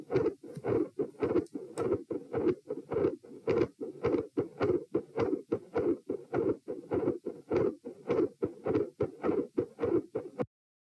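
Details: Stethoscope heart sounds at position P, patient sitting, with quiet S1 and loud fixed split S2; regular, fairly rapid beats. Near the end they grow louder, with a rushing murmur appearing and the S2 split widening.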